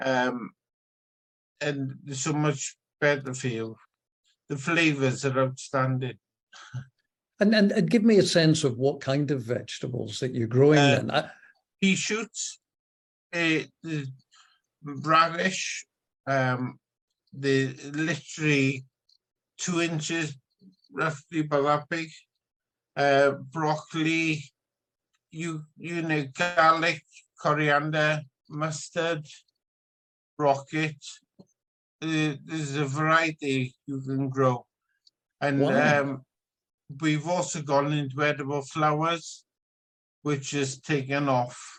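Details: Adult man with spinocerebellar ataxia type 14, genetically diagnosed, shared with his brother; his consultant noticed something wrong as soon as he started speaking; ataxic dysarthria.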